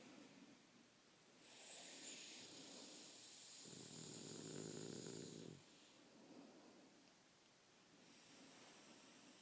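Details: Soft whistling breaths, then a low rumbling snore and quiet breathing from a sleeping dog whose nose crinkles; the recording person's sinus breathing is in the background; snoring.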